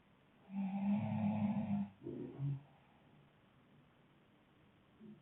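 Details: Couple snoring: one long, deep, rattling inspiratory snore, then a shorter snort and quiet.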